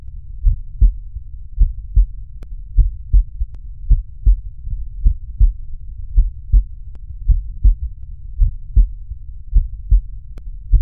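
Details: Cardiac auscultation teaching demonstration over valve auscultation foci: regular paired low first and second heart sounds about 53 a minute over low hum; normal heart sounds.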